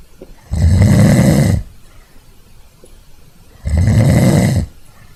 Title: ronquidos fuertes efecto de sonido (loud snoring sound effect)